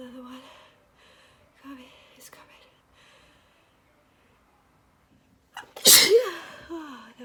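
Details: Person wearing a detox mask, unable to touch or blow the nose: quiet whispered breaths, a pause, then one forceful explosive sneeze with a voiced trailing cry.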